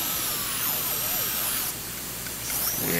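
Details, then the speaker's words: Dental drill with small then medium bur cutting through a thin metal crown for endodontic access, with high-pitched whine and grinding until through the metal. "spurs a little dull but i'm through the metal"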